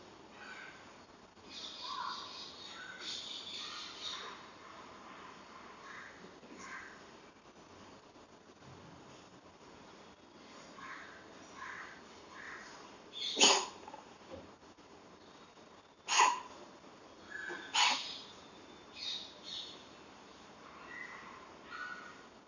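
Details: Kitten giving a few short, sharp coughs among soft snuffly breathing sounds in a quiet room.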